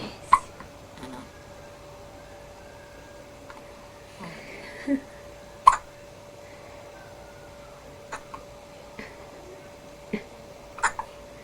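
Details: Baby with hiccups: about ten brief, abrupt hiccups in eleven seconds, recurring irregularly in a quiet room with faint hum.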